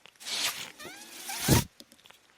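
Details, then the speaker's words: Speaker's own mechanical ventilator heard during a podcast recording: two hissing air bursts with a brief rising-and-falling tonal whine between them, one cycle in a pause between speech; mechanical ventilator sound. "hello everyone my name is that noise you're hearing is my ventilator"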